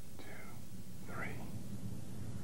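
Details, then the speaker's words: Whispered pectoriloquy test: stethoscope diaphragm on the posterior chest while the patient whispers "one, two, three"; faint, muffled whispered syllables over a low steady hum. Louder, clearer whispers would suggest airless, consolidated lung. "when these sounds are louder and clearer than normal whispered pectoriloquy is present all these changes in voice sounds suggest the air filled lung has become airless"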